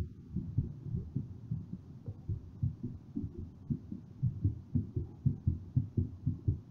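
Steady, fairly quick heartbeat, about 118 a minute, muffled thumps over low background noise; a normal raised rate during recovery after exercise.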